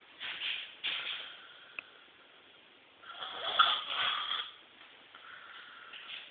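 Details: Chronic snoring, possible tonsillar hypertrophy queried by uploader: irregular snorting, raspy breaths through thin, muffled sound; recurring snoring during sleep.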